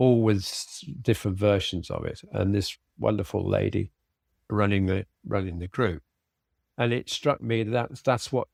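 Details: Aphasia following a sudden stroke in an adult man, treated with speech and language therapy and early vocabulary flashcard practice at home; spontaneous speech.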